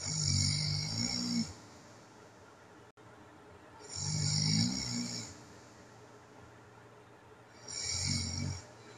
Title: That awful, Dreaded sound of Sleep Apnea (Tape 1)